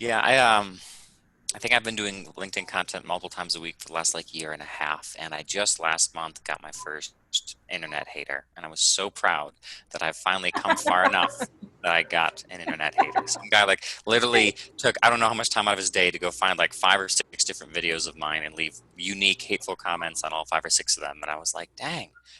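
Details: Adult male speaker; typical speech.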